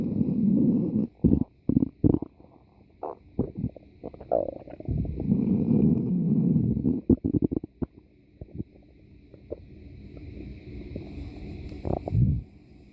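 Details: Irregular low gurgling and rumbling bursts with brief pops, typical stomach growling from gas and fluid moving through the gut; borborygmi.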